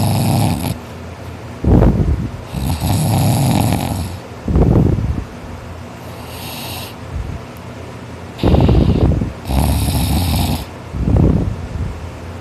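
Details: Boy snoring loudly in sleep after a tiring workday: harsh, rasping, sawing snores on each in-breath with snorting out-breaths, about four to five breaths in twelve seconds.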